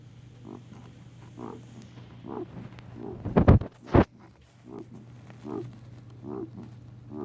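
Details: A 4-year-old male guinea pig makes repeated soft snorting noises broken by two sharp, louder cough- or sneeze-like bursts, persisting after a vet visit; cause unknown, owner asks whether it is coughing or sneezing.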